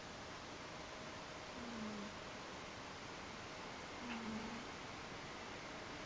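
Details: A sleeping Ragdoll cat snoring contentedly.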